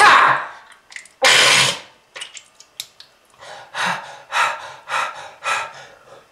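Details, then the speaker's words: Several rough, wet cough bursts and throat clearing, then harsh panting breaths: a persistent smoker's cough attributed to lung disease, with red-coloured material mentioned. "yeah that red color is not from fruit punch kids if you want this happen to you just keep smoking this is lung disease"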